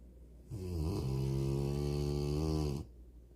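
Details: A sleeping Rottweiler snoring: a single long, droning, buzzing snore lasting about two seconds.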